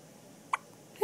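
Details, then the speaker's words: Single short, sharp hiccup from a newborn on day 2 of life, with the start of another at the very end. ", day 2 of your life. You have the hiccups. Hiccup. Hiccup."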